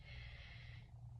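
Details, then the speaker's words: Female patient takes a deep breath in and out while the examiner's hands rest on either side of her spine to check bilateral chest expansion; expansion is symmetric, normal deep breathing. "So, I'm going to put my hands on either side of her spine, my thumbs meeting in the middle, and have her take a deep breath in and out."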